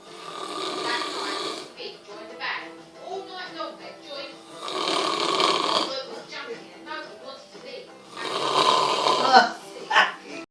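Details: Snoring during sleep: rough, rattling breath noises recurring every few seconds; snoring.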